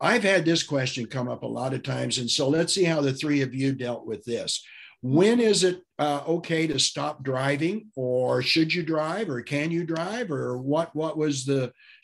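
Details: Adult male speaker; Normal speech.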